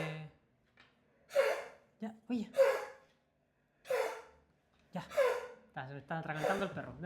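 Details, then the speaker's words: Dog that swallowed a hair in the morning and seems to have it stuck in the throat: about four forceful, snorting retching bursts in quick succession; gagging. "El Jaco como se se tragó un pelo la mañana, así que como que lo tiene un poquito como pegado ahí."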